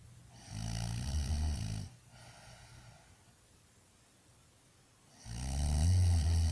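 Loud, deep rattling snores on two breaths, with a quiet pause between them. Typical heavy snoring.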